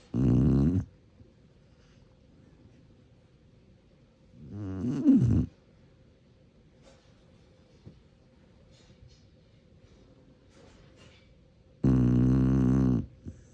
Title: Volume up! Shar-Pei snoring!